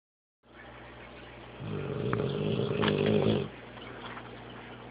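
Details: Dog snoring while asleep; one loud, low, fluttering snore lasting about two seconds over steady room hum.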